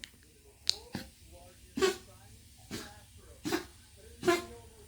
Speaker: Come here, Zella. What do you keep coughing for?